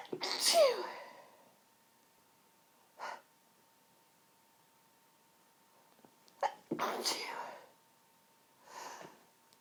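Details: Sneezing fit: several sneezes in quick succession with short pauses and breaths between them.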